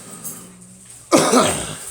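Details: Adult coughing amid talk of flu and a flu shot; a single harsh, forceful cough with a loose, congested quality after a quiet moment.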